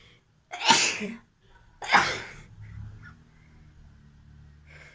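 Two forceful sneezes in quick succession, then soft breathing and faint sniffing: ordinary sneezing.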